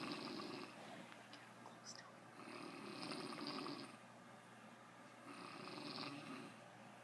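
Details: Adult man (dad) snoring: soft rattling snores with each breath, about three cycles in seven seconds, over faint room hum.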